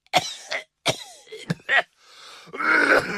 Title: tos de. mi